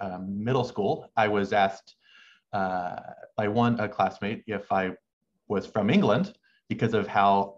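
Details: Adult male medical student who has stuttered since about age six, with uncontrollable pauses he has learned to mask; stuttering.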